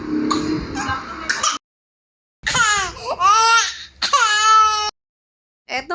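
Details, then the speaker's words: Infant crying the day after a vaccine injection, with teething, cough, stuffy nose, colds and low fever; loud high-pitched distressed wailing in bursts separated by pauses, some fussing at the start. "Siguro nga ay kumikirot nga yung turok sa kanya dahil Napansin ko ngang pagapa sumabay pa yung pagkakasabay isabay ng pagtubo ng ngipin niya"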